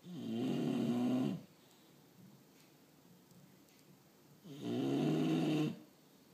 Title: Bulldog snoring